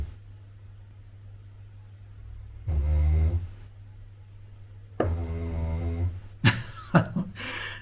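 Two low, buzzing breath sounds from a sleeping dog over a steady room hum, followed by a few soft knocks: snoring.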